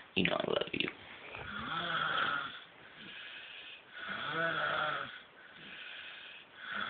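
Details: Snoring: soft rattling, vibrating breaths in a slow repeating pattern after brief handling noise.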